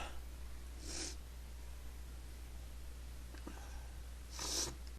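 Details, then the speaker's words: Person who can't stop sneezing: two brief hissing sneeze bursts over a steady low hum; repeated sneezing. "Sneeze again. I can't stop sneezing."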